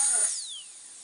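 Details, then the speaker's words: Dental drill used on a realistic robotic dental training patient at a Tokyo dentistry university: brief high-pitched whine dropping in pitch as it slows. "we just got a bit more drilling to do and I'm enjoying this a bit too much"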